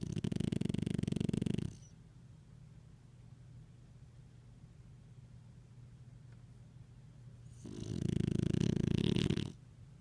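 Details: French Bulldog snoring on owner's lap: two long, loud, buzzing snores about eight seconds apart with quiet between.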